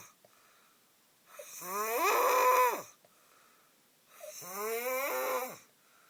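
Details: A brother snoring heavily during sleep: two loud, rough, rattling inhalations rising in pitch, with quiet pauses between them, at roughly 20 breaths a minute.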